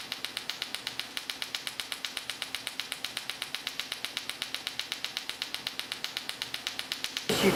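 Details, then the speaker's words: Erbium laser pulsing on a Sciton erbium laser during facial laser resurfacing of a 58-year-old woman under IV twilight sedation, after CO2 laser: rapid, steady train of sharp clicks at about four per second. "now going to use the side tire of a and this is my sculpting tools i sculpt away the remaining line"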